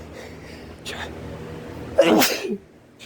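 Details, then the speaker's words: Male sneezing from pollen pulled indoors by fans after the AC broke; a faint catch of breath, then one loud explosive sneeze. Nose-blowing doesn't help, sneezes get stuck, eyes watering; repeated allergic sneezing. "i keep blowing my nose but nothing it doesn't help i just keep sneezing nope okay we're okay i keep i'm getting sneezes that gets stuck"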